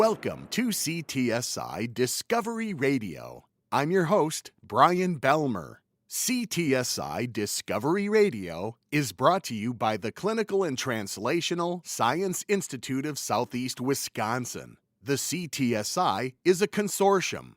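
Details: Adult male radio host; Normal speech.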